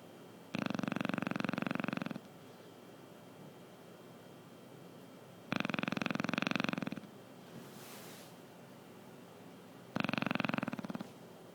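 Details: Sleeping Chow Chow dog: three loud, harsh, fluttering snores of one to two seconds each, about every five seconds, with quiet pauses between; snoring.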